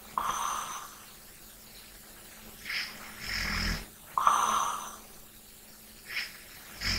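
Rough snoring on the breath in, between softer breaths out: snoring during sleep.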